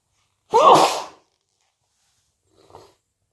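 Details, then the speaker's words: Sneeze during a cold: one loud, forceful sneeze followed by a faint sniff. "I need to sneeze. Bless me. I need to sneeze again."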